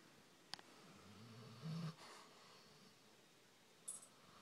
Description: Our puppy Fred snores loudly!!